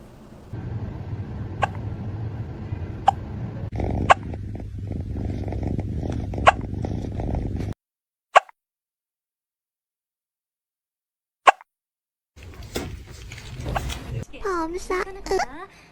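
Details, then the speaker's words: Cat hiccupping after eating food too fast; about seven short, sharp clicking hiccups over roughly ten seconds, room noise, person's voice at end; hiccups. "Do you have the hiccups?"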